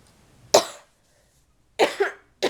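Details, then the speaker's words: Cough in someone still sick, newly diagnosed with a left ear infection and on antibiotics, whose cough is juicy in the morning and turns dry through the day and at night. Two or three harsh, loose coughs, one a double burst. "in the morning that cough is Juicy Juicy Juicy and then throughout the day it kind of going to dry coughing at night like a dry cloth"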